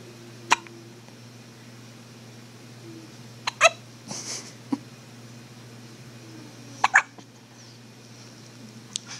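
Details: Brief, sharp hiccup sounds at irregular intervals, several in nine seconds, over a steady low room hum; hiccups.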